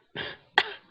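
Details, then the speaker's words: Two short coughs from an adult with a sore throat and chest cough during a cold and weather change; the second cough is sharper. "I'll take this little sore throat and this little chest cough, because that cough was real."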